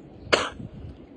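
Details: An adult who has been ill with a cough on and off for two days, with fever, gives a single short, sharp cough against quiet room noise.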